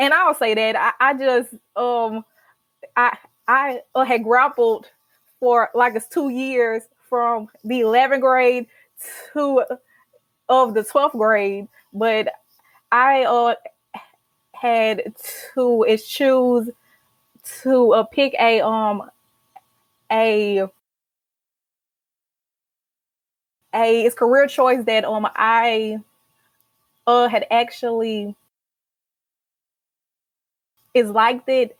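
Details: Stuttering in an adult woman, a senior college accounting student, who has stuttered since childhood, has a family history of stuttering, and began speech therapy in college.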